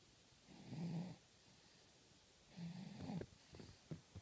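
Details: Two low, rattling snores with quieter breathing between them from a baby sleeping in front of the TV; ordinary snoring.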